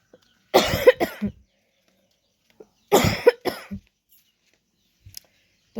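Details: Real ongoing cough after catching a cold following a trip: two bursts of harsh, wet-sounding rapid coughs separated by quiet pauses.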